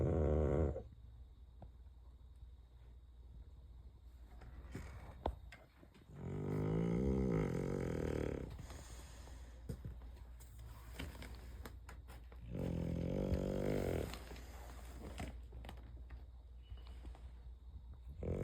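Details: Bulldog snoring in sleep after lights out: loud, rattling snores on each breath in, with quieter breathing between, about four breaths a minute in a small room.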